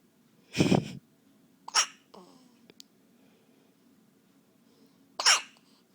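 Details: A few sharp explosive bursts with hissy airflow separated by quiet pauses, from a baby described as having hiccups; sneezing.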